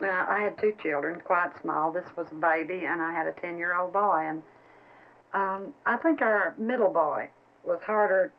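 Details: Adult woman speaking; normal speech.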